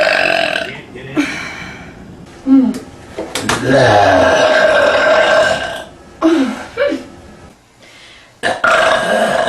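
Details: Female burping: a run of loud, long, deep voiced belches, several in a row; ordinary burping.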